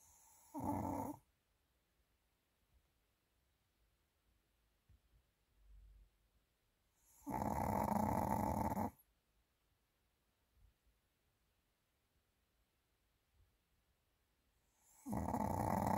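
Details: Pomeranian dog sleeping heavily, giving loud, rasping snores, one long snore about every seven seconds with quiet pauses between; ordinary dog snoring.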